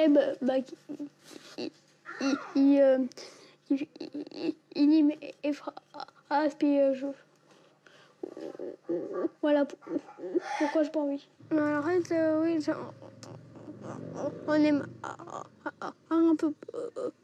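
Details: Stuttering lasting for years in an 11-year-old boy, not resolved by speech therapy and child psychiatry, before attending a 3-day stuttering course; blocks, with speech often hard to understand.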